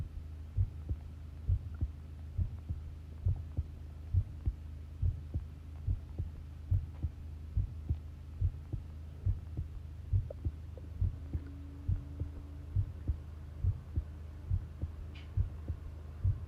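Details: Long self-recorded heartbeat taken while listening: steady, regular low thumps at about 68 beats a minute over a faint hum; normal heart sounds.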